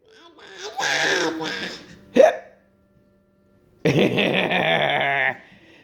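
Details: A single short, sharp hiccup between stretches of adult talk and encouragement: ordinary hiccups.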